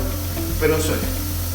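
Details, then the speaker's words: A home oxygen concentrator running on electricity and making this noise: a steady low mechanical hum with a faint hiss, and brief music tones in the background. "mientras tengamos electricidad es más silencioso éste tiene este ruido"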